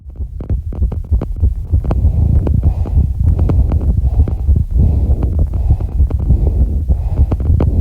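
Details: Sinus tachycardia of about 200 BPM during recovery after exercise: very fast, deep thumping heartbeat with heavy breathing underneath.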